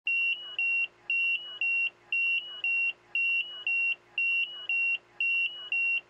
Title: Icu Alarm / ICU Alarm 02